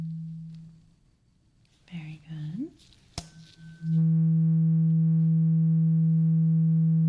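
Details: Simulated ASMR role-play ear exam for clogged ears: quiet whispering, a sharp tap, then a steady low pure ringing tuning fork tone as the listener with eyes closed says which ear hears it.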